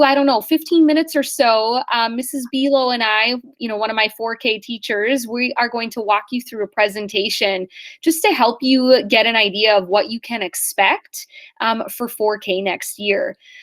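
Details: Adult woman speaking; normal voice.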